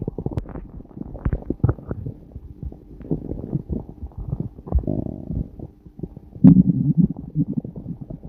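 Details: Bowel sounds (borborygmi) from the abdomen, recorded on a day with long episodes of flatulence: low gurgling, rumbling bursts of gas and fluid moving.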